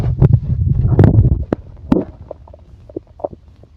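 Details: ASMR recording of stomach growling: low gurgling rumbles and irregular bubbly pops, loud at first then fading to scattered soft clicks, borborygmi (bowel sounds).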